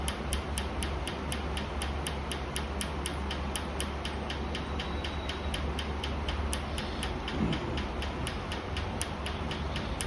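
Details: Rapid, regular sharp clicks about four per second over a low steady hum: laser firing pulses during a laser tattoo removal session on a dark tattoo; laser tattoo removal pulses.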